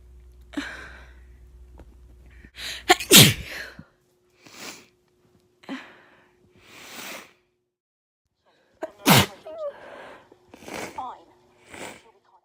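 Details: Adult with a lingering illness they cannot shake gives a few forceful, wet-sounding sneezes with sniffs and breaths between them; wet sneezes.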